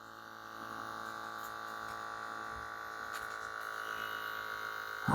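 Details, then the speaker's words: CheckMe BP2 Bluetooth automatic upper-arm blood pressure monitor starting a reading: a steady electric pump hum rising slightly as the cuff inflates; the reading later shows 139/109, with the user not relaxed. "I think it's starting whoa I don't know if you guys can hear it holy"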